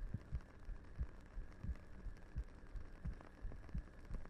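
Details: Heartbeat in ASMR roleplay audio with a character resting her head on the listener's lap: soft, regular paired thumps about 88 per minute over quiet hiss; ordinary heartbeat.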